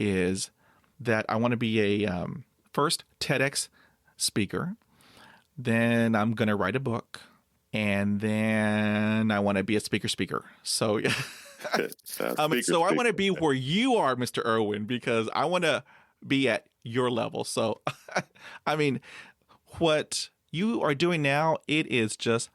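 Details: Adult male with overt stuttering who blocks on everything, then breathes and moves on; stutters even when alone and once had severe blocks on the letter P; stuttering.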